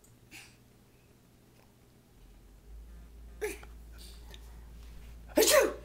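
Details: Sneezing: a soft sniff in a quiet room, then a sharp, explosive sneeze burst near the end.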